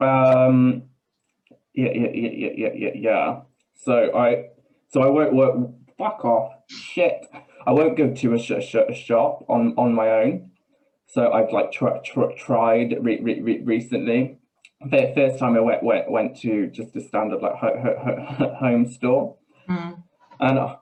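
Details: Man with Tourette's syndrome whose tics are involuntary swearing and blurted phrases in mid-sentence, with a stammer that worsens under stress; real, not acted; Tourette syndrome with vocal tics (coprolalia).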